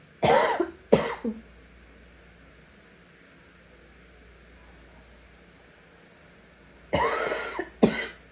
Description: Ranging from raspy to hoarse to wet with a few hints of barking. Hope you enjoy!